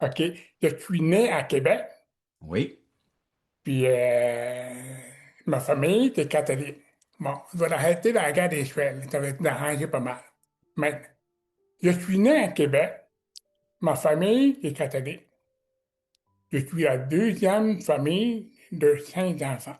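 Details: Adult man with severe-to-profound deafness since childhood who wears hearing aids and learned oral speech at a specialized institute by practising letters in front of a mirror; deaf speech (severe-to-profound hearing loss).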